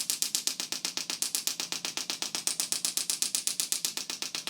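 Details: Fast, very regular clicking taps at about 240 a minute: radial shockwave therapy device with ultrasound gel on the back of the hip flexor/TFL of a jiu-jitsu athlete with hip flexor pain and scar tissue.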